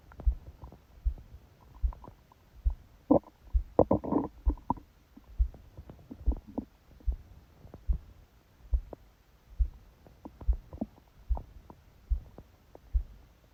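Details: Gurgling, bubbling rumbles from the belly of a sleeping person, phone held on the abdomen under a book, over steady low, unexpectedly loud and fast heartbeat thumps; ordinary stomach growling during sleep.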